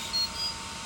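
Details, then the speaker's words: Dental curing light beeping during sealant curing on tooth number 3 of a simulated patient in a sealant demonstration. A short high beep sounds over a steady hiss; the light beeps at set intervals and shuts off after 60 seconds. "2 beeps. Make sure you're doing on that. Beep, beep, beep."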